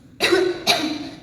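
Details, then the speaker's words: Simulated pharmacy self-medication role-play: adult patient reports two days of coughing with a very itchy throat and a past illness, and gives two short, dry, non-productive coughs; dry cough. "saya udah 2 hari batuk-batuk terus tenggorokan saya gatal banget, Mbak."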